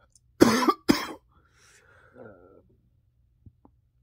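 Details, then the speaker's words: Cough in an adult with COVID-19 confirmed by a positive rapid test, with chest pain, headache and loss of taste and smell: two harsh coughs in a row, then a faint throat sound. "your mind like makes things worse or whatever that's what i feel like happened because it was it was like yeah i was coughing yeah my chest hurt yeah my head was hurting"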